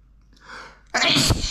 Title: Dusty flowers makes me explode in sneezes (M)